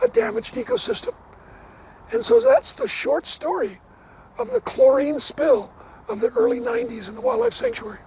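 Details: Adult man with dysphonia after partial vocal cord resection: two bouts of vocal cord cancer, one third of the vocal cords removed in 2008, leaving a raspy voice; never a smoker, cancer probably caused by secondhand smoke.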